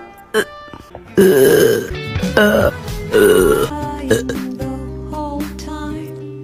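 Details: Repeated loud, drawn-out croaking belches, several in a row, with music playing underneath; hiccup burps; repeated burping.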